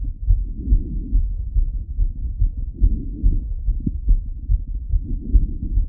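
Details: Male heartbeat over 180 BPM recorded by stethoscope auscultation at several points while lying on the left side: fast, regular thumps, a rapid heartbeat (tachycardia).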